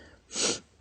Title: Girly Sneezing (Stifles, Tiny, Squeaky) (F)